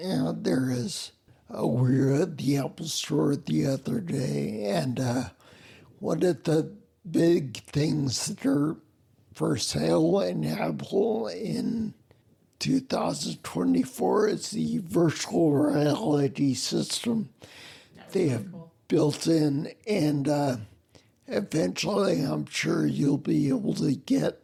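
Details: Adult man with spinocerebellar ataxia of unknown type; slurring began around 1999 (about age 39) with balance loss; uses a wheelchair; slurred speech sounding drunk, unclear on the phone; ataxic dysarthria.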